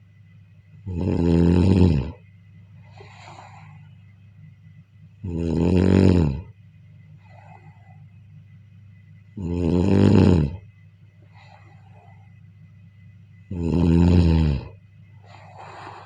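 Loud, rumbling snores on each in-breath, about 15 a minute, with quieter breathing between them and a steady low hum in the background.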